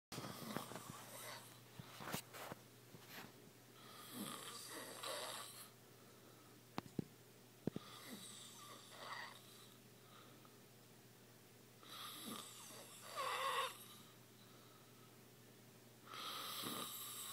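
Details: Person snoring: repeated snoring breaths a few seconds apart, with a raspy, whistling edge on some inhalations.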